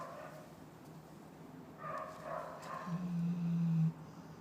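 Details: A sleeping dog gives one long, low, buzzing snore that swells and then cuts off abruptly, over a steady low background hum: snoring.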